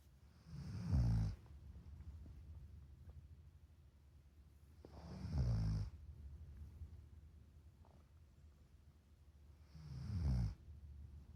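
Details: Snoring: low rumbling snores on slow breaths, about 13 a minute, over steady room hum.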